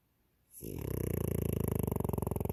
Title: Snoring Frenchie